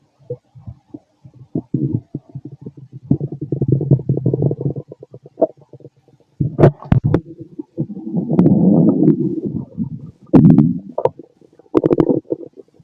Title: Fit male stomach growling digesting